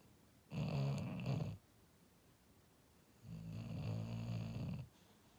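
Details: Sleeping, dreaming English Bulldog snoring: two long, low rattling snores with quiet pauses between breaths.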